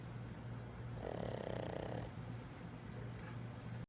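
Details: 11-year-old pug sleeping on a hotel bed gives a single drawn-out, rattling snore over low room hum; snoring.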